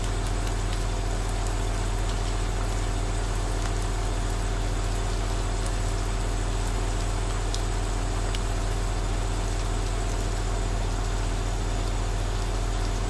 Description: 2H of relaxing ASMR Aerosol nebulizer sound while outside it's raining